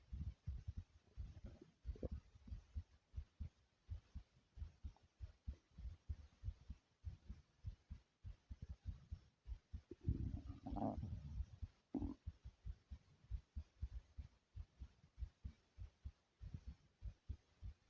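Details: Pounding heartbeat about 95–100 a minute with heavy breathing right after doing jumping jacks; a normal pounding heart after exercise.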